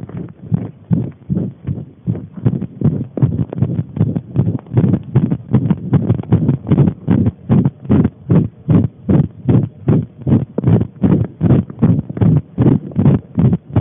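Loud, regular, muffled thumping beats, rapid at roughly 150 per minute, heard throughout.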